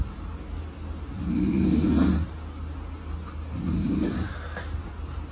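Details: A sleeping adult man, a father, gives two loud, low, rattling snores on inhalation over steady background noise; snoring.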